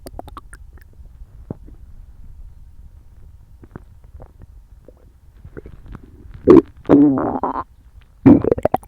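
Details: Loud gurgling, growling stomach rumbles after a quiet stretch, recorded after eating a meal for the first time in a while: borborygmi, normal loud bowel sounds.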